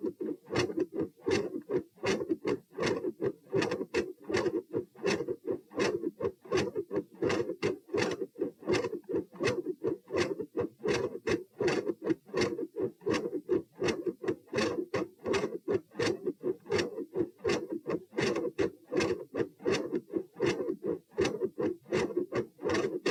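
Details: Heart sounds recorded at position P while standing: about 80 beats per minute with a faint extra sound after S2, possibly a third heart sound (S3).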